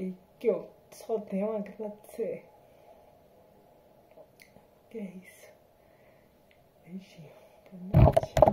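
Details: Adult woman with spinocerebellar ataxia type 7 (SCA7), a hereditary, progressive degenerative disease with symptoms since 2018, recorded after neuromodulation combined with speech therapy and physiotherapy; ataxic dysarthria.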